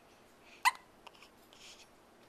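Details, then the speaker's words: Young child with hiccups, filmed at night on a Flip Video camcorder: a single sharp, abrupt hiccup with soft breathing after, whole body moving, in a quiet room. "this is having the hiccups"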